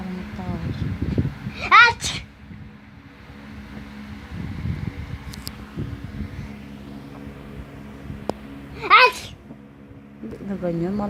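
Two sharp sneezes from a child over a steady motor hum and background voices.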